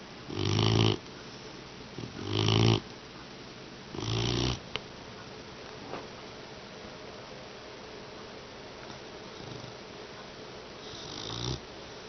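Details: Mastiff puppy snoring while asleep, exhausted after off-leash sit training: loud rattling snores on inhalation, three close together, then a pause and a fainter one.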